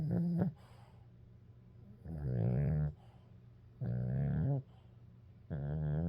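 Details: Milo, a sleeping dog, makes regular low, rattling snores on each breath, about four in six seconds; snoring.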